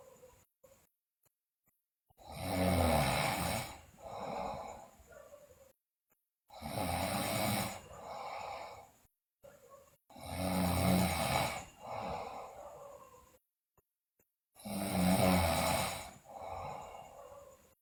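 Loud rattling snores on each breath in, with a softer breath out, about 14 breaths a minute: heavy snoring.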